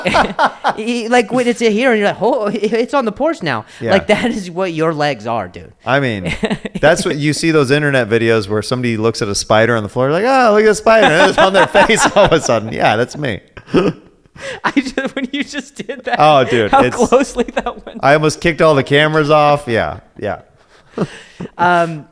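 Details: Adult male speaker, possibly two men talking; ordinary conversational speech.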